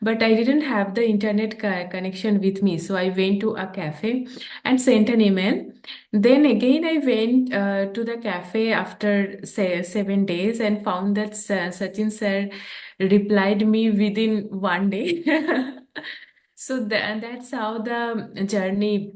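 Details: Adult woman who stammers, a real speaker whose stammering began at age 13 or 14 and who practices yoga and deep breathing; stammering.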